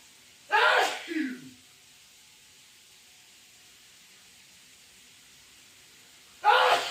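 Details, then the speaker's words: Adult man (boyfriend) sneezing loudly while in the shower, sneezing for about 10 minutes: a loud explosive sneeze with a brief vocal trail, then the start of another after a pause. "oh my God these sneezes do they always have to be so freaking loud he's been literally sneezing in the shower for 10 minutes"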